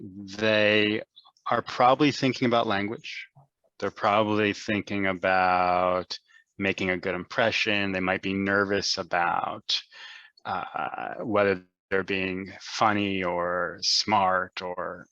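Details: Adult man who stutters and is himself a speech therapist; stuttering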